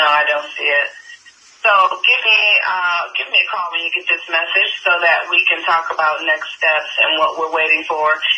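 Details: Adult speaker, voicemail recording; ordinary speech.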